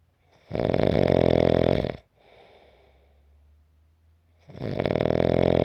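Long, loud, rough inhaled snores lasting over a second, with a quiet exhale between: typical adult snoring.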